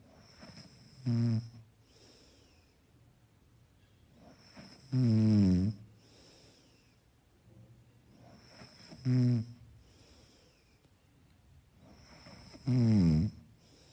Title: Snoring == Soft and Mellow, Background sound for effortless sleeping.